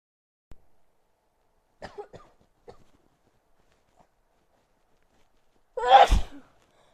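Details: Person with a cold: a few quiet breaths and catches, then one loud explosive sneeze.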